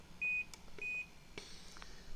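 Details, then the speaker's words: Two short high-pitched beeps, then faint clicks, as the flow setting is changed with the plus or minus button on an Inogen portable oxygen concentrator's front control panel. "a nice control panel on the front and you can change the setting very simple by hitting the plus sign or the minus"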